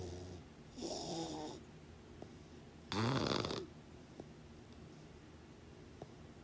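Two rattling snores against a quiet room, separated by soft breathing with faint clicks.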